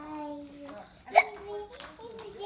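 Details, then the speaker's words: Young child with hiccups talking to mother: a sudden, sharp catching 'hic' breaks into the speech as the child says they have a case of the hiccups. "Hiccup I have a case of the hiccups, Mommy. You have a case of the hiccups?"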